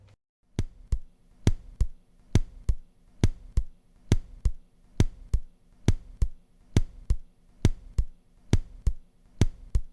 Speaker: сейчас послушаем нормальные тоны сердца в области мечевидного отростка то есть там где лучше выслушивается трикоспидальный клапан по-прежнему первый тон будет громче чем второй